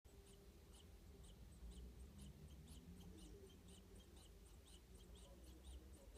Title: Indian star tortoise wheezing sound